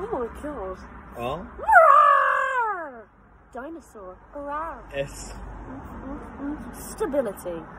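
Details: 22-year-old woman with Tourette's syndrome, recorded before formal diagnosis, producing uncontrollable vocal tics triggered by letters spoken by her partner during the alphabet challenge; Tourette's syndrome vocal tics.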